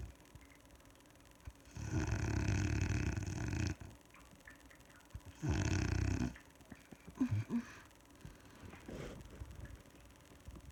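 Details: Adult woman asleep at night, recorded by her husband: two loud, rough, rattling snores about four seconds apart, with quieter breathing between them in a quiet room; heavy snoring.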